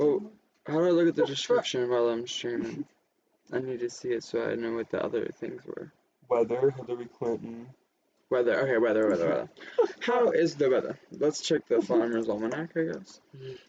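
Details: Adult male speaker; normal speech.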